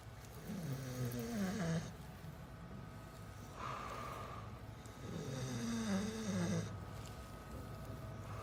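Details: A dog breathing heavily while asleep: slow, groaning snores with a wavering pitch, roughly one breath every two seconds, over steady room noise; snoring.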